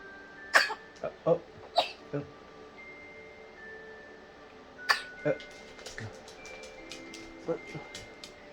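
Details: Newborn baby girl with hiccups: several short, sharp hiccup bursts at irregular intervals in a quiet room, recorded before gripe water and feeding, after which the hiccups stopped.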